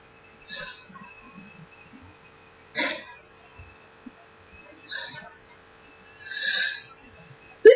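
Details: Sneezing and nose blowing over a noisy recording: several short sharp nasal bursts and a longer blowing sound over a steady background hum.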